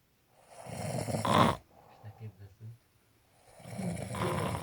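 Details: Loud, rough snoring breaths with a snort-like peak and a few short, low grunts between, then another snore: snoring.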